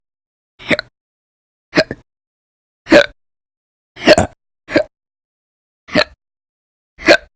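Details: Persistent, violent hiccups, loud or silent, recorded January 2020, with daily episodes lasting hours in late December 2019; seven sharp gulping hiccups about 52 a minute with quiet gaps.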